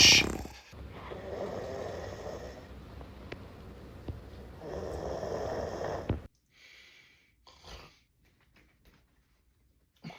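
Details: Two long, rasping snores with a fluttering hiss, then quiet with a few soft snorts; snoring.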